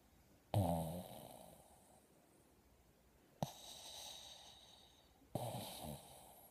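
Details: Sleeping dog snoring: three low, rattling snores, each with a fading breathy tail.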